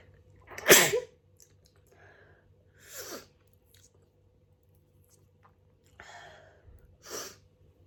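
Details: Messy hay fever sneezing: four sneezes over about eight seconds, the first loudest, each a sharp explosive burst in a quiet room.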